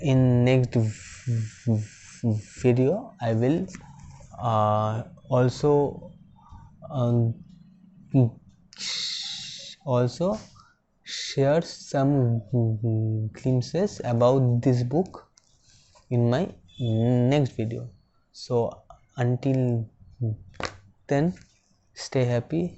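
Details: Man who stammers, a civil engineer, speaking Hindi; stammering.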